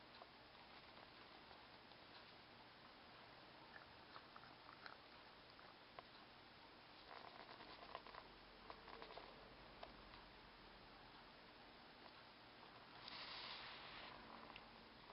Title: Teeth grinding